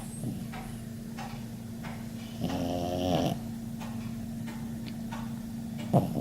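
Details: Dog sleeping after a tiring weekend at a farm gives one loud, buzzing snore about a second long amid quiet, steady breathing and a low room hum; ordinary snoring.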